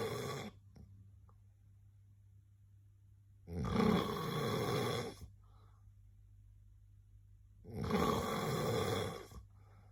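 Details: Person's own snoring recorded during sleep: two long, harsh, fluttering snores about four seconds apart, with quiet pauses between breaths.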